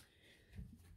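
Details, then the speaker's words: A dog snores underneath the speaker during a recorded tarot reading, heard as a weird sound in the background. "so I'm gonna get a bit of clarification if you can hear like a weird sound my dog's snoring underneath me"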